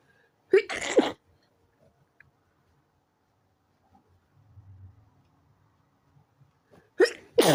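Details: Two sharp sneezes, each with a quick inhaled lead-in and an explosive burst, separated by several seconds of quiet; sneezes growing stronger, progressing from stifled toward let-out loud sneezes.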